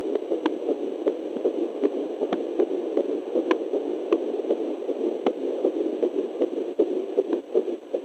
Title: Baby's heartbeat using fetal doppler at 9 weeks